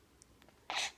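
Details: A single sneeze from a small pet: one short, sharp, hissy burst after a few faint clicks.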